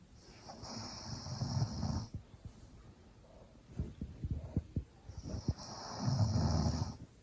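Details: Maltese dog snoring with its eyes open: two loud rattling snores about five seconds apart, with soft snuffles between.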